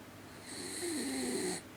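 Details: One soft, drawn-out snoring breath with a faint rattling, wheezy tone, about a second long, in a quiet room: snoring.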